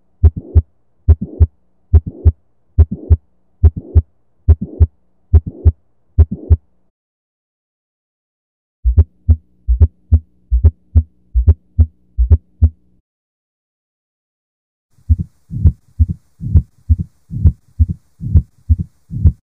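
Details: Teaching montage of systolic and diastolic murmurs and extra heart sounds: three short recordings near 70 beats a minute with extra sound between beats; heart murmur.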